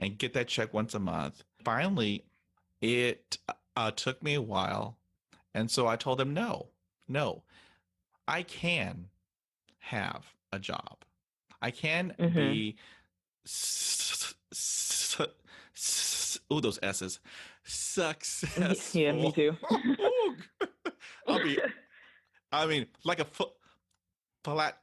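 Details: Stuttering in an adult woman who stutters.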